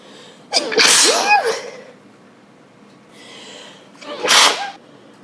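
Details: Series of sharp explosive sneezes, each with a quick inward breath before a forceful burst, from a person off antihistamines awaiting an allergy test next week, recorded during an afternoon of repeated sneezing.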